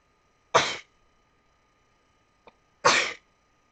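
Two sharp, explosive sneezes about two seconds apart in a quiet room.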